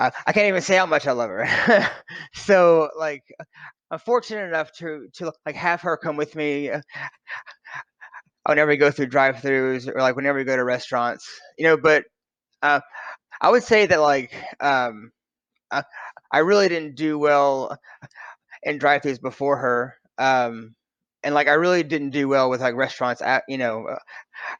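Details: Adult man who has stuttered since childhood; his son also stutters; finding: stuttering.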